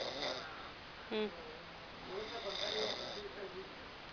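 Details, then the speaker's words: Loud snoring from a Mexican man asleep: rough, buzzing breathing sounds over a steady room hiss. "lo estoy grabando. Ya me escuchó, ya me escuchó, ya me está roncando."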